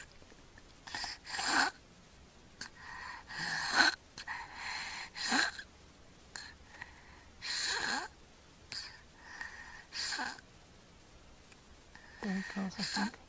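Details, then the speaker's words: Sleeping infant, mouth-breathing and not congested, with breath-holding episodes: irregular, noisy, snorting breaths with pauses, then abrupt harsh gasps for air after ineffective breaths; obstructive sleep apnea with gasping. "oh there he goes saw that no he's gasping for air the breath he took beforehand he was actually not getting anything into his lungs"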